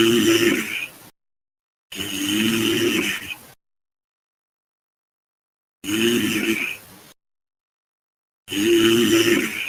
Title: frying snoring sounds